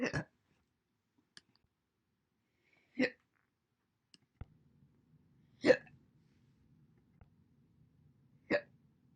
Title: My Single hiccups throughout the entire months January 1st, 2021 to April 30th, 2021